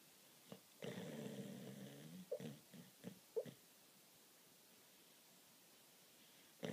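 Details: Shiba Inu snoring very loudly while asleep, with another Shiba lying beside him sleep-barking: a long rough snore followed by several short grunting snorts, then quiet room noise.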